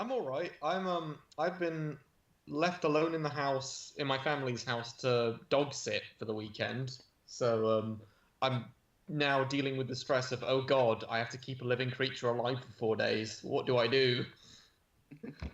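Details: Adult male speaker; ordinary speech.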